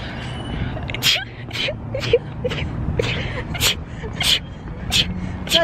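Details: A girl's rapid sneezing fit: a quick run of about eight short, sharp sneezes in close succession, over a low background rumble.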